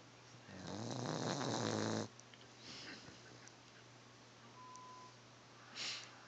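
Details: One rattling, buzzing breath sound lasting over a second, then quiet breathing and faint room noise; snoring in a baby.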